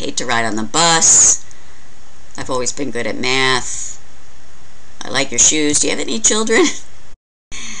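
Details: Acted example read aloud by a female lecturer illustrating a loose thought process in a mental status exam, rated possibly about as serious as or more serious than tangential thinking; loosening of associations.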